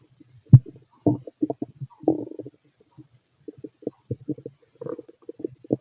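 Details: Fit male's abdomen heard through a stethoscope while digesting pastry, chicken, curry, bread, milk, eggs and pasta: frequent short, irregular gurgles and clicks; normal active bowel sounds.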